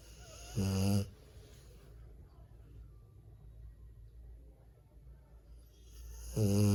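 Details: Sleeping dog, tagged as a rottweiler: two loud, low, rattling snores about six seconds apart, with quiet room noise between them: snoring.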